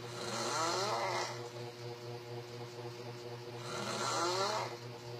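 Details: Filipino man snoring with his mouth and eyes open: two loud, rattling snores on the in-breaths about four seconds apart, over a steady low hum; ordinary snoring.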